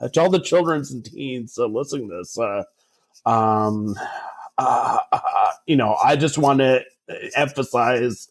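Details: Adult male who has stuttered since about age 5 or 6 and had speech therapy from age 5 to 18, speaking in conversation; stuttering.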